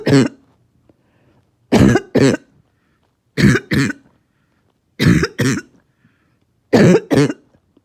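Five bouts of harsh, barking coughs, mostly in pairs, with quiet gaps between them; a barking cough.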